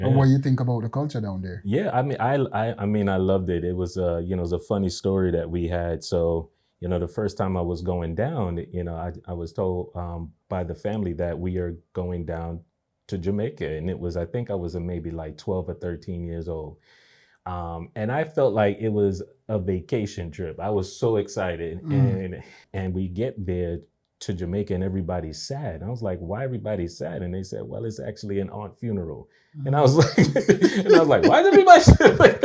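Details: Adult man who has stuttered since age three, onset after a bad dream; audible word repetitions; stuttering.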